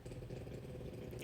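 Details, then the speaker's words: French bulldog asleep in the background giving a low, steady rattling rumble: snoring. "And I'm so sorry if you can hear my snoring French bulldog in the background. That is what the weird noise is, just in case you're wondering."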